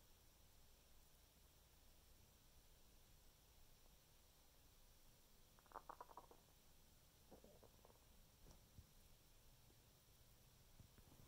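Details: Bowel sounds (borborygmi) after eating six thin cookies: a quiet steady hiss, then short bursts of gurgling and squelching from the abdomen.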